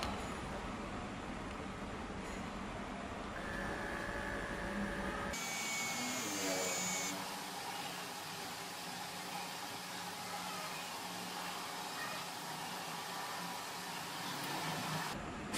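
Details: Omron HEM-7121 digital upper-arm blood pressure monitor, cuff about half an inch above the elbow, arm relaxed on a table: the pump motor hums as it inflates, then runs quietly while measuring, with a beep. The normal reading was 107/66, pulse 69.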